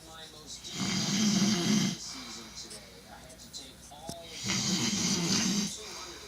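Loud, rough, rattling snores with each breath, two long snoring breaths separated by quieter breathing; heavy snoring.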